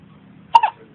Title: Baby girl hiccups.